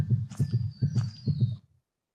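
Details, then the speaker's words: Simulated heartbeat sound used as auditory cardiac feedback in a virtual-reality walking simulation for rehabilitation: paired lub-dub thumps at a quick rate of about 135 beats a minute. "for auditory feedback we use the heartbeat sound as you can hear"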